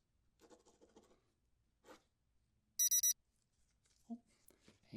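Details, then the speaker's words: Three quick high-pitched beeps amid soft handling noises: an oral thermometer held under the tongue about 30 seconds signals the reading is complete, in a simulated ASMR nurse check-up roleplay. "there's our beep let me just grab that out"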